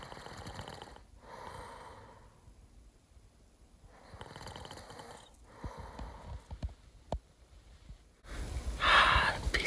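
Slow rough breathing noises with snorting bursts on the breaths, then a louder harsh burst at the end; snoring with snorts.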